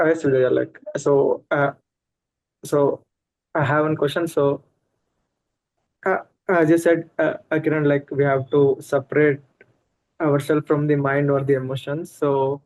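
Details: Adult man who stammers, notably in situations such as talking to a bus conductor or at a shop; stuttering.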